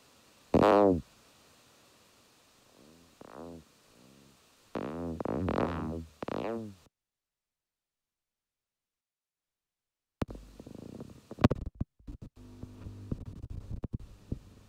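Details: EMG recording of individual muscle fibres firing runs of action potentials that wax and wane in frequency and amplitude: repeated revving, swooping dive-bomber tones of myotonic discharge.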